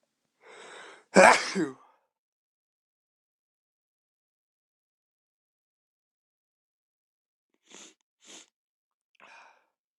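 A quick inhaled catch, then one loud explosive sneeze, followed by a few faint sniffs or clicks. Induced sneeze.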